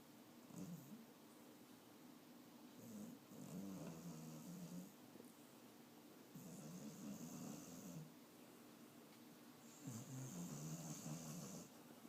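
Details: Bubba, old, snoring while dreaming in sleep: repeated low rattling snores with soft whistling on each breath, about four cycles in twelve seconds.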